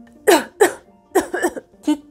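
Several short, sharp cough bursts, acted out as a demonstration; a plain cough.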